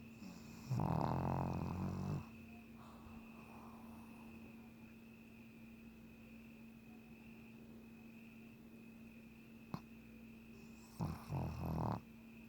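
Two rough, fluttering snores about ten seconds apart over a steady room hum, a dog snoring in sleep.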